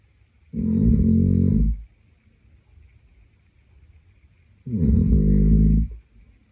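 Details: Adult male sleeping, two loud rough low snores on the in-breath about four seconds apart with quiet between; ordinary snoring.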